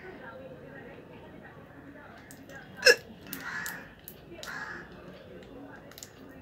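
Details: Real hiccups recorded without drinking water: one sharp, abrupt hiccup catch against quiet room noise, then a few softer breathy sounds.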